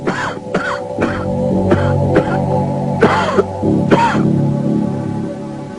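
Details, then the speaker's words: Smoker's cough: about six harsh, rough coughs and throat clearing over background music, as mucus builds up in the lungs and restricts airflow. "las partículas mucosas se acumulan en glomérulos que la gravedad empuja hacia el interior de los pulmones obturando y restringiendo el flujo de aire y desencadenando la tos del"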